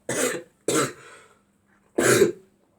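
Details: Person with a bad cough, also snorting and clearing their throat: three short, harsh coughs in quick succession, the second trailing into a throaty rasp.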